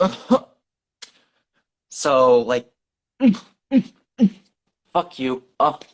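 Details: Coprolalia with vocal tics that are hard to suppress in a 17-year-old male with severe Tourette syndrome: involuntary profanity outburst during an interview.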